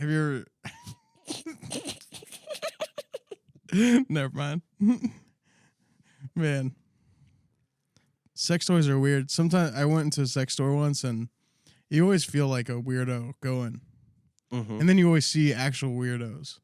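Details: Adult male speaker; ordinary speech.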